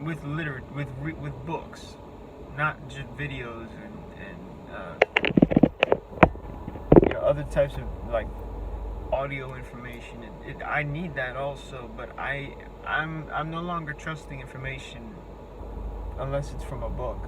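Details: Adult man with a self-reported speech impediment whose words break down completely when speaking face to face, forcing him to take breaks; speech disfluency (speech impediment).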